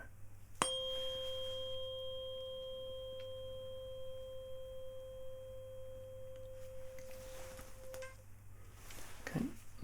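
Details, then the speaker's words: Simulated cranial nerve exam roleplay, Weber test with tuning fork on mid-forehead for bone conduction: struck fork rings with a pure, slowly fading tone; heard roughly equally on both sides. "now we're going to be performing a Weber test here okay so I'm replacing this on the top on the middle rather of your forehead okay we're looking for a bone conduction here"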